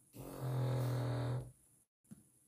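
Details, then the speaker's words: Sleeping King Charles Spaniel dog snoring, described as drill-like and worse than a human's; a single loud, low, rumbling snore over a second long, then quiet. "여러분 강아지 코 고는 소리 처음 들어보신 분들 많을 거예요 그런데 감히 말씀드리겠는데이 정도가 아닙니다이 정도가 아니에요 사람보다 더 심해요"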